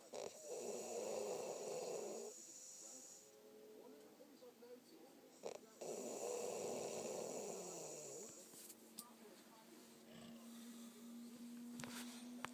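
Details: Girlfriend snoring: two long, loud, rattling breaths with quieter breathing between them.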